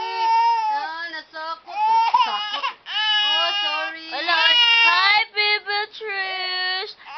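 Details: A 10-month-old baby cries with loud, high-pitched wailing in repeated bursts and brief catches of breath, while an adult comforts the baby and other people talk faintly in the background.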